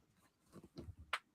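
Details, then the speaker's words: An adult's right knee cracking as he bends down during a livestream: soft shuffling movement, then a single sharp crack. "So, I've got I've got >> remember I mean So, my knees are going. You might hear it."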